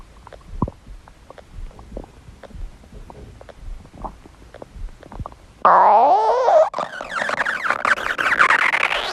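Faint scattered noises, then a loud, long, warbling gurgle lasting several seconds: stomach growling, the normal sound of gas and fluid moving through the gut.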